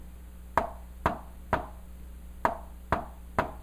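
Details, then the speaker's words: Verbal/tapped imitation, played fast, not a real recording: extra beat after S1 and S2 giving a "1, 2, 3" galloping rhythm: third heart sound (S3 gallop). "Now, I'm going to do it a little fast because when you're going to hear it, it's going to sound like this. Hear that? That is S3."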